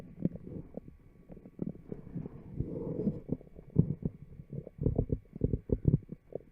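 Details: Bowel sounds of a fit, healthy person recorded with a mic taped to the abdomen: low gurgling and rumbling with bursts of bubbling pops; loud stomach growling (borborygmi).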